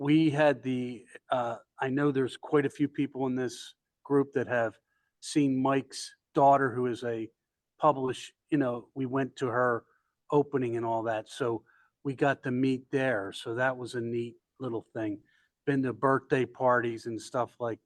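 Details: Adult man speaking; normal speech.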